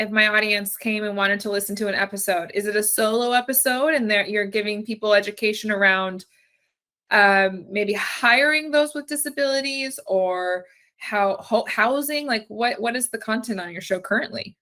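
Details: Adult woman speaking; typical speech.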